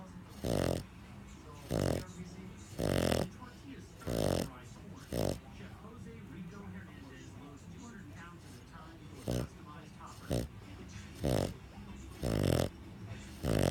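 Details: Pug, a flat-faced dog, snoring in sleep after a tiring day at doggy day care: loud, rough snores about once a second, with quieter snuffling between.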